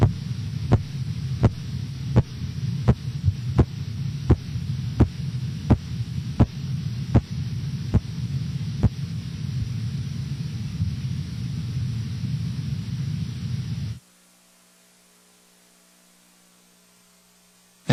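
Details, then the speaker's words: Korotkoff sounds during blood pressure cuff deflation, reading 116/90 mmHg: silence until first sound at 116, regular thumping beats about 85 a minute over a steady hum, stopping abruptly at 90 mmHg. "You will hear nothing until the first carot cough sound appears at 116 millimeters of mercury. The various phases of carot cough sounds will be heard until their disappearance at 90 millimeters of mercury."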